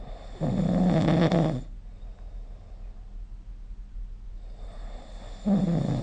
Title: 🐽 Snoring Sleep Sound